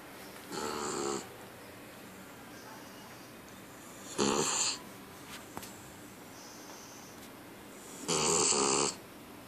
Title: Amstaff snoring